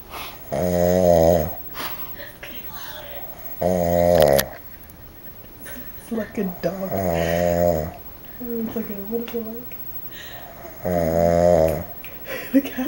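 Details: Zack snoring very loudly during sleep: loud, rough, buzzing snores recurring about every three to four seconds, with quieter breathing and faint room noise between them.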